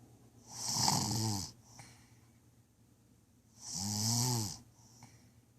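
Two rough, vibrating breaths about three seconds apart, each with a rattling low tone. Snoring.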